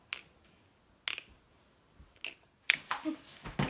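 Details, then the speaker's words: Person popping all their fingers: several sharp, irregular pops and clicks in a quiet room; joint cracking. "guys, I can crack my neck. Yeah. Wait, no, I got. Okay, no, that one didn't crack. I'll pop all my fingers."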